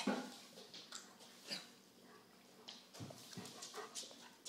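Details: Pet's quiet, short hacking and gagging bursts, a retching, dry-heaving cough with nothing brought up; recorded at home for the vet because it wouldn't happen at the clinic.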